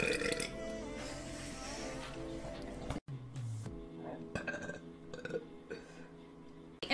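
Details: Livestreamer burping in a compilation of burps and hiccups: a low, drawn-out burp amid background music and talk, followed by smaller sounds after a cut; ordinary belching.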